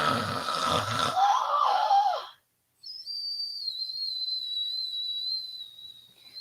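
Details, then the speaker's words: An adult imitates a father's snoring: a rough, gurgling snort, a brief pause, then a long thin whistling exhale; imitated snoring. "my father has these he doesn't even think he snores but it sounds like he's passing away it goes like this"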